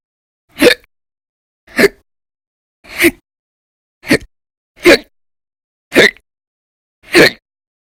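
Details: Audio-only recording from December 2019 of violent, very loud hiccup bouts lasting 10–13 hours a day: seven sharp, abrupt hiccups at about fifty a minute; persistent hiccups.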